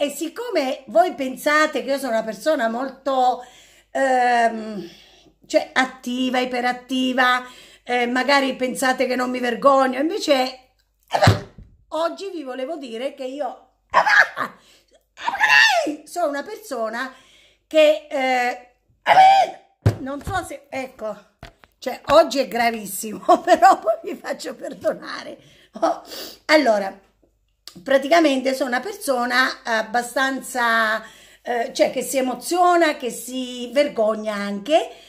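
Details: Female speaker with Tourette syndrome whose vocal tics, including repeated phrases and a disliked bad word, interrupt her speech: vocal tics (Tourette syndrome).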